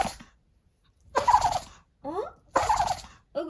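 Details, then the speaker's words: Dog sneezing many times in a row: forceful snorting bursts about every 1.5 seconds with brief squeaky breaths between; owner wonders whether hair got into its nostril. "한두 번만 줄 알았는데 완전 재채기 뽀삐졌어"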